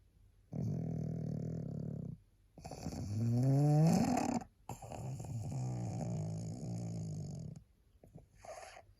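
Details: Tired pug sleeping, snoring with loud, rattling, rumbling snores and whistling squeaks; small flat-faced dog.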